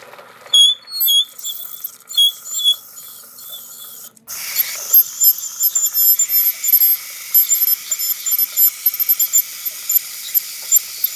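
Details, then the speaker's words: Ultrasonic scaler used by an orthodontist cleaning teeth of a patient with braces and bleeding gums: high-pitched whining and scraping with water spray and suction hiss; ASMR recording. "So you're gonna have a lot of water. And we're gonna suction it away as we go. You'll also feel some vibration."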